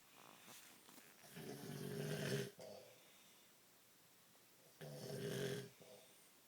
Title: Snoring man and dog